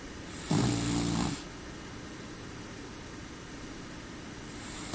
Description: More of my cat snoring.